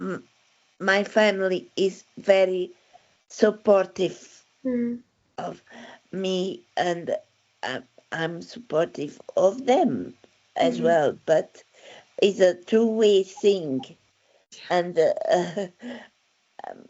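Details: Adult woman with aphasia after a stroke in December 2016, with word-finding difficulty; real patient speech; aphasia.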